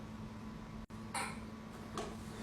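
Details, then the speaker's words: Pregnant adult woman, not otherwise sick, with a painful cough, sometimes dry, sometimes mucousy, severe enough overnight to make her vomit: two short, dry-sounding cough bursts over a steady low room hum; cough. "I have like this dry sometimes this is gross mucousy cough. Um, and it hurts so bad."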